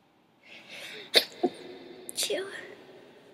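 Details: Person sneezing while chewing: two quick sharp bursts of air, each with a short intake before it; sneezing.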